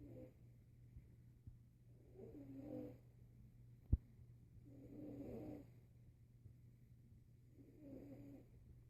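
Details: Three slow, rough, low rumbling breaths over about nine seconds, roughly 20 a minute, over a steady low hum: snoring.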